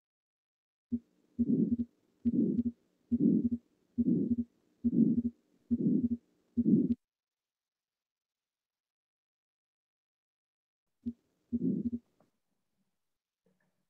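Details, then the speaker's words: Atrial septal defect: regular heartbeat near 70 a minute with an ejection systolic murmur and a fixed split second heart sound. "so if you hear you should hear a ejection systolic murmur and a fixed split of the second heart sound"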